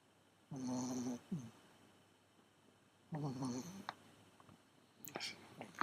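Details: Very loud snoring from a Pomeranian dog that keeps owners awake at night: two long, buzzing, rattly breaths a few seconds apart, faint room noise, brief voice at end.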